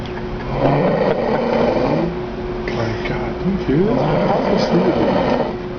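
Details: Heavy snoring, described as happening every night: loud, rough, rattling breaths in repeated cycles over a steady background hum.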